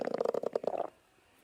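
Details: A short, bubbling gurgle of rapid pulses lasting under a second, then quiet: an ordinary stomach growl.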